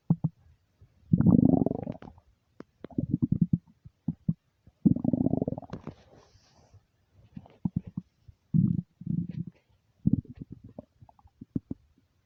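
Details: Hunger rumbling (borborygmi) from an empty stomach: loud, gurgling, rumbling bursts of gas and fluid moving through the gut, normal bowel sounds.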